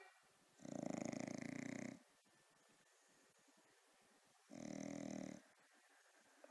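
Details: Sleeping bulldog that does not wake to its name: two long, loud, rattling snoring breaths with quiet pauses between them; snoring.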